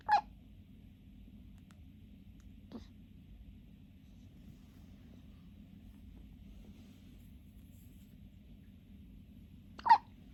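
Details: Three-month-old baby's hiccups: three brief, sharp hiccup sounds spaced several seconds apart over quiet room hum.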